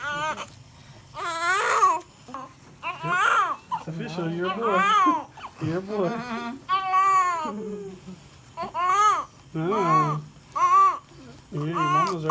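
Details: Newborn baby boy, first baby, crying just after birth in a birth vlog: repeated high-pitched crying bursts, several cries over about twelve seconds with brief pauses between.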